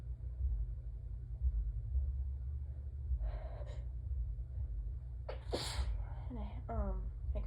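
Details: A steady low hum, a soft intake of breath, then a sharp sneeze with a voiced tail, during an allergy sneezing fit with a peppermint held in the mouth; a drop of blood was noted on tissue. Allergic sneezing.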